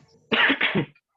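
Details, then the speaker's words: Two quick harsh coughs in a quiet room from an adult teacher during a live online class, who apologized beforehand for a sore, injured throat and for coughing often. "De antemano pido disculpas, ando un poco lastimado de la garganta y me van a escuchar toser seguido."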